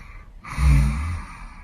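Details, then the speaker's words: A young man sleeping at night, around 3 a.m., has been snoring all night. A single deep, low rumbling breath during sleep is heard, with faint room noise. Snoring. "哎，小哥，一晚上都在打呼噜，自从睡着之后一直在打呼噜，我已经醒了好几次了。"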